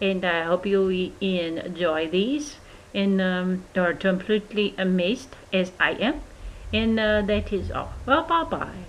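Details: Foreign accent syndrome in an adult woman, recorded in May 2012, about two months after a March 2012 stroke caused by antiphospholipid antibody syndrome, with right arm weakness and a numb tongue after the stroke.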